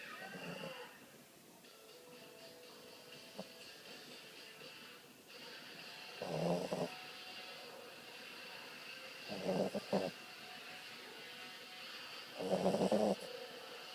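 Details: Sleeping Boston terrier puppy snoring: three short snorting snores about three seconds apart, roughly 20 a minute, with a soft steady hum underneath.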